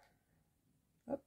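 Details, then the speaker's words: Hungry stomach growling: near-silence, then one brief low grumbling gurgle; borborygmi. "aller voilà j'espère que vous entendez port j'ai mon ventre qui gargouille j'ai faim"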